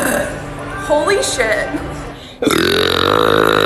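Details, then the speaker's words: Compilation of relieving thick burps: long, deep, rumbling belches, the second loud and drawn out, after which the person says there's a little more in there; burping. "I wasn't done there's a little more in there but I'm so glad that didn't come out my ass"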